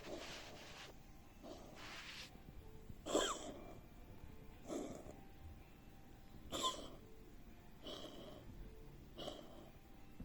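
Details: Canadian Sphynx cat coughing for six months, given antibiotics for bronchitis and deworming; heart ultrasound and lung X-ray normal; latest diagnosis bronchial asthma, but the inhaler is not helping. Repeated short, harsh, wheezy coughing bursts in a quiet room.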